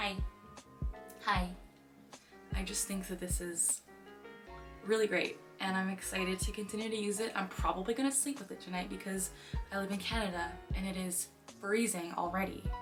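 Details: 23-year-old woman diagnosed with Tourette syndrome at age 12; repeated "hi" vocal tic heard in her speech; vocal tic (Tourette syndrome).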